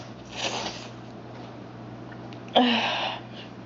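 A softer sneeze, then a sharper, louder second sneeze over a low room hum; two sneezes.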